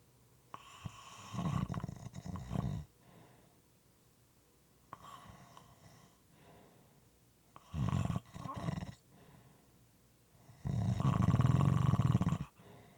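Rough, rattling snores in uneven bursts separated by quiet gaps, some moist-sounding; irregular snoring.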